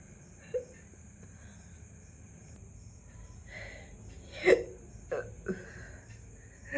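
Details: Someone has several brief, abrupt hiccups at irregular intervals in a quiet room after eating a large luchi, describing gurgling in the throat; ordinary hiccups.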